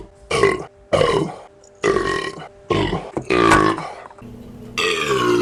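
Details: Burping: five or six loud voiced belches in a row with faint music behind; repeated burping.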